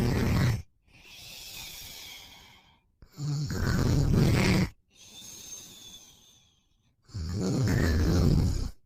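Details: Boyfriend snoring, sleepy after a long day: deep, rumbling snores on each in-breath with softer out-breaths between, about seven breaths a minute.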